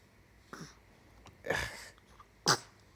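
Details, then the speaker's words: Child sneezing: three small, sharp sneezes, each a quick explosive burst of air; ordinary sneezing. "goodness goodness oh we got that on video you sneezing yeah you tight"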